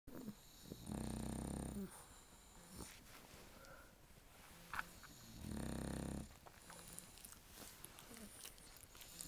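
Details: Two bulldogs, 7 years and 3 months old, sleeping on a couch: two long, loud rattling snores a few seconds apart with quieter breathing between; snoring.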